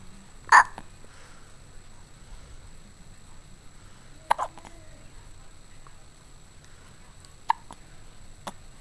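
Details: One-month-old baby with hiccups: about three abrupt, sharp hiccup sounds spaced a few seconds apart in a quiet room.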